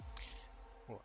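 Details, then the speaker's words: A cat gives a single sharp, hissy sneeze that startles a man, who makes a brief vocal sound over faint room noise; sneeze. "tiens, il m'a fait peur le chat. Il a éternué."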